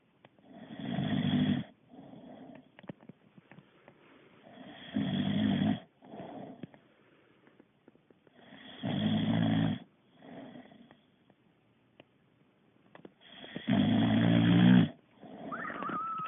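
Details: Boxer dog snoring while asleep, tired after exercise: loud rumbling snores on each in-breath with softer snuffling out-breaths, roughly four cycles in sixteen seconds.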